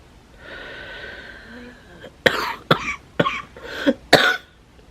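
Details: An adult with a cold and a wheezy, tight, sore chest makes a sustained voiced, throaty sound, then about five harsh, loose coughs in close succession, fitting a chesty cough.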